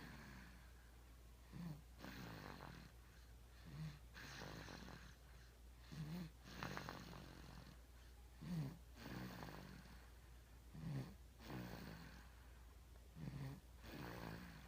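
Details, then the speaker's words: Infant about 5½ months old snoring while asleep: soft, regular snoring breaths about 25 a minute, each with a low rumble, over a steady background hum. "is asleep, and I never knew babies could snore this loud."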